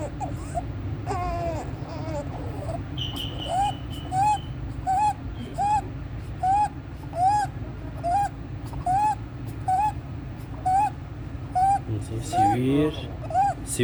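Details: 14-day-old full-term baby admitted with meconium aspiration, since resolved; high-pitched inspiratory stridor about 70 breaths a minute with suprasternal and intercostal retractions and severe chest indrawing, worse with crying and feeding; most common neonatal cause laryngomalacia.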